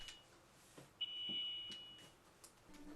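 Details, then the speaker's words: Steady high-pitched alarm tone for about a second in a quiet room from a home dialysis cycler during treatment, with a care partner asked to help; dialysis machine alarm. "Honey, can you help me with this alarm?"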